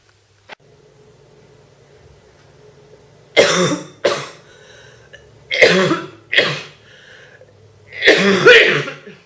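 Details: Girl with a bad cold, real and uncontrollable heavy, deep, painful coughing fits: five harsh coughs in pairs and a final longer burst over a quiet background.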